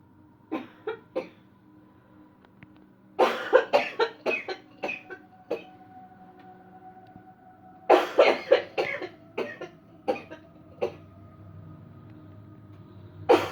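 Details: Demonstration of a "cleansing-healing" coughing technique without touch or pressure points, with the person feeling each cough coming: three clusters of repeated short deliberate coughs, about eighteen bursts, separated by quiet pauses.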